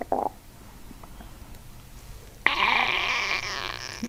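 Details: Brief quiet stretch, then a loud, sustained bubbling gurgle from the abdomen lasting over a second, during a chiropractic session with deep belly breathing; loud bowel sounds.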